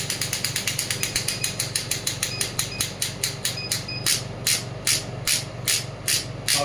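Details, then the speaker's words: Biotronix pneumatic shockwave therapy device (0.5–12 bar), frequency reduced at about 4.5 bar: rapid sharp clacking pulses about 146 a minute that slow and spread out toward the end; shockwave applicator firing. "अब मैं energy increase करूँगा। Machine table पे है इसलिए थोड़ा vibrate करेगी ज़्यादा intensity में।"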